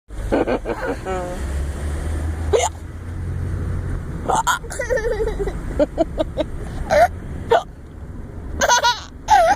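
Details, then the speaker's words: Fake hiccups imitated by a grandfather: short, voiced gulping hiccup sounds repeating amid talk and laughter over car noise. "Hiccups are the funniest thing. Grandpa's hiccuping."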